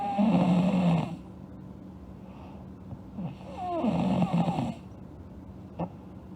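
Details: Sleeping girl snoring: two rough, rattling inspiratory snores several seconds apart, with quiet breathing between.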